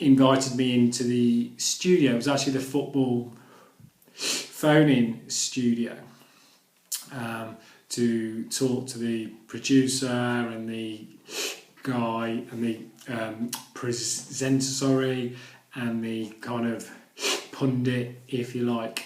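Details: Adult who stammers, speaking live on radio and noting he got into a couple of difficulties; stammering.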